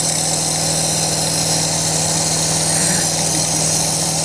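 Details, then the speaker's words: Constant loud motor drone with a hissy edge: a compressor nebulizer running and producing mist, used on a young coughing child with a child mask attachment and saline/medicine, device held upright. "Все, включай. Пошел пар, ребенок им дышит."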